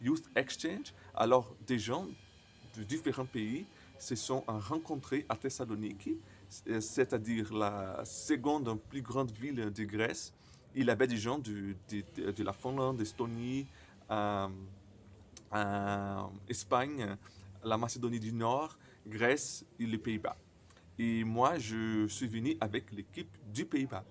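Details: Stuttering in a 28-year-old Brazilian man speaking French as a second language, who says his stutter often involves silences and at times many repetitions.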